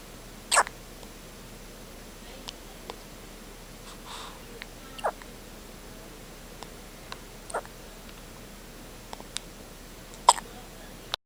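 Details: 24-hour-old newborn with hiccups: brief sharp click-like hiccups at irregular intervals, about two louder ones, over quiet room noise; hiccups.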